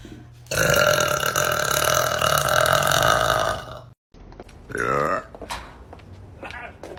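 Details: One long, loud, drawn-out belch of about three seconds from a girl, then laughter and brief talk; burping.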